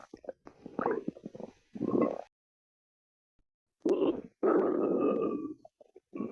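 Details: Stomach growling (borborygmi): low gurgling rumbles and a long drawn-out growl from the belly.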